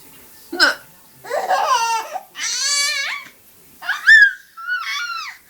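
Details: An infant watching TV squeals with bubbly laughter after her mother's single sharp hiccup; hiccups.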